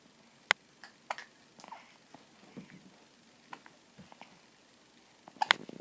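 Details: Hiccups: small, sharp hiccup clicks repeating at uneven intervals in a quiet room.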